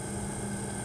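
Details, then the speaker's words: Steady motor hum with low drone from a nebulizer compressor switched on for a breathing treatment in a woman with COPD inhaling deeply through a tightly sealed mouthpiece; training demonstration. "I'm going to turn on the machine put this into your mouth make a tight feel inhale deeply blow it out"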